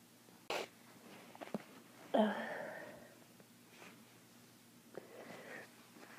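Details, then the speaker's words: Spring seasonal allergy sneezing all day on a March day, with itchy throat and watering eyes: a sharp sneeze burst, then a louder drawn-out sneeze and softer sniffs. "I've been sneezing all day I'd like to stop now oh itches oh my throat's itchy I can't do anythin"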